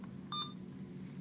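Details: One short electronic beep in a quiet room as a key is pressed to select the channel on an Alaris IV infusion pump while setting up a secondary IV line; infusion pump keypress beep.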